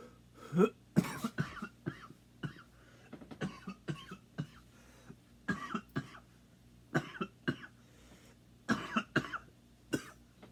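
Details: Deliberate, performed series of short dry coughs and throat clearings in a quiet room, not from illness.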